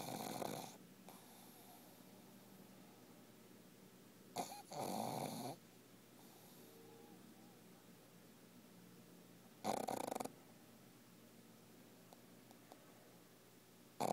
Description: Lola sleeping and snoring in my lap